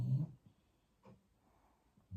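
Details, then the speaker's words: Snoring from a very old sleeping bulldog in a quiet room, low rumbling throaty bursts, loud. "i've just watched them back on my phone and realized that you can hear trevor snoring so loudly if you are new to my channel trevor is our very old bulldog who snores a lot"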